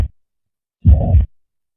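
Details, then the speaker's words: Mitral regurgitation heard through a stethoscope: a brief heart thump, then a sustained low whooshing murmur filling the gap, from a teaching demonstration of valve sounds. "اما بقى لو في ارتجاع في الصمام الثنائي فهتسمع"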